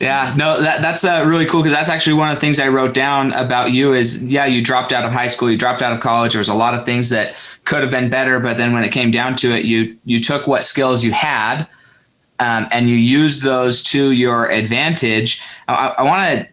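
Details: Adult male speaker; ordinary speech.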